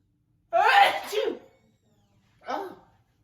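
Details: Standing woman gives a loud, explosive back-bending sneeze, then a short second burst about two seconds later.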